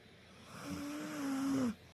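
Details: Single drawn-out, whistling snore on one breath, fading at the end; sleepy snoring.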